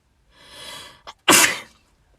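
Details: Young Asian woman: a soft hissing in-breath, a brief catch, then one sharp, noisy explosive burst trailing off; a single sneeze.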